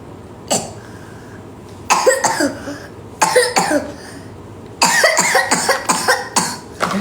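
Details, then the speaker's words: A child's persistent harsh coughing, two to six coughs per bout with quiet between, recorded at night during a live stream. The child vomits afterward. "A batuk lagi. Batuk lagi. Batuk cepat. Batuk lagi."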